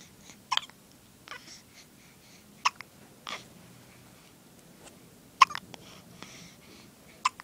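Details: Brief, sharp squeaky catches from an infant girl, repeating irregularly every one to two seconds; ordinary hiccups.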